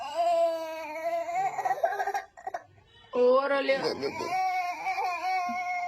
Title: my baby is crying 😂#baby #cute #cutebaby #dance#dancevideo #baby #crying #cryingbaby